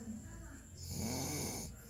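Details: Snoring during sleep: a single rough, low, rattling breath sound.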